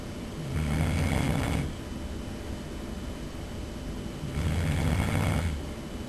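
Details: Person filmed asleep by a roommate, snoring loudly: low rattling snores on two breaths in about six seconds, roughly 20 breaths a minute, with quieter breathing between.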